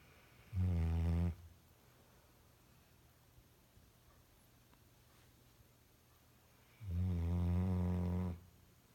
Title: My husbands dog snores SO LOUD!!!